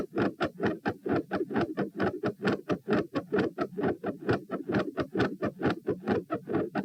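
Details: Heart sounds recorded at position P while standing, at 132 bpm, reproducing feeling unwell and like dropping after 5–10 minutes standing; fast regular beats with extra sounds and murmur, changing patterns, silent halfway then increasingly louder; tachycardia with third heart sound, fixed split S2 and murmur.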